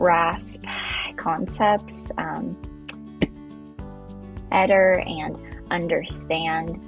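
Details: Adult woman with stuttering who has had speech intervention for stuttering; stuttering.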